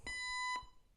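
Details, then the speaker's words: Zoll AED 3 training demo with pads attached: after "analyzing, shock advised, don't touch patient, press flashing shock button," a steady pure electronic alert tone of about half a second prompting the shock. "Don't touch patient. Analyzing. Shock advised. Don't touch patient. Press flashing shock button."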